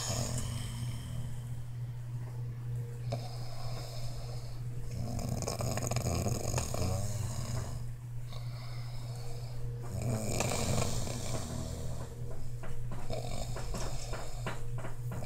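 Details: Snoring: low, rough, fluttering noise rising and falling with the breaths over a steady room hum.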